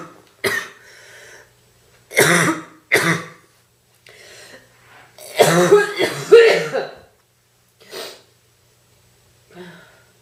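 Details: A girl with a bad cold has real, natural, heavy, deep and painful coughing fits that she cannot control.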